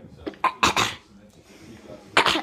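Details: Person who says they are sick again: several short, harsh coughs in a bout, then one more after a pause.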